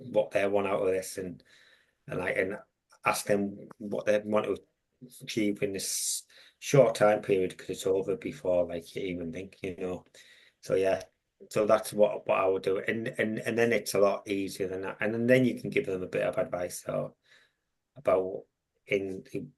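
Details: Stammering (stuttering) in an adult with a long-standing stammer who mentors young people who stammer.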